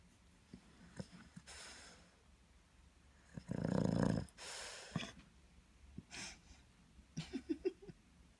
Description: Buster (aka beans) the boston terrier is adorable when he sleeps, until he starts snoring! Then he sounds like a little pig monster!